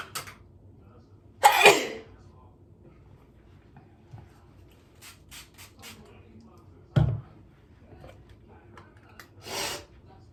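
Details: Repeated sneezing: one loud, forceful sneeze followed by two shorter explosive bursts spaced several seconds apart in a quiet room.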